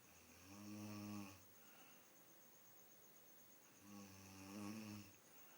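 Two long, low, rattling snores on the in-breath, separated by a quiet pause; ordinary sleep snoring.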